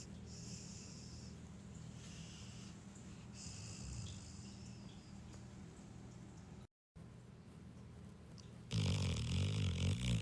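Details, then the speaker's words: Sleeping pet dog snoring: a low, steady rumbling snore that grows louder and rougher near the end; ordinary snoring during sleep. "coming to you live with the first episode of Listen to Gabby Snoring."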